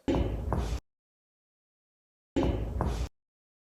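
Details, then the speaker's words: Two hollow, low-pitched double-tap percussion notes during comparative lung percussion over the suprascapular/interscapular regions, clear lung sound on every side; resonant percussion note over normal lung. "And here you're able to appreciate that in every side of the lung we hear the clear lung sound."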